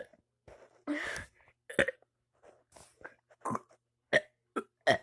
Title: burping for 1 minute straight